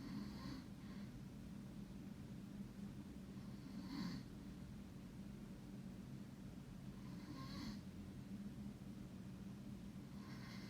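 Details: Soft breathy snoring sounds repeating about every 3.5 seconds, roughly 17 breaths a minute, over a low steady hum; snoring, from someone who says they don't snore.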